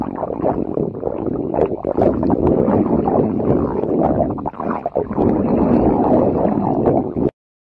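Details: Stomach growling: continuous low gurgling and rumbling with irregular bubbling pops; borborygmi.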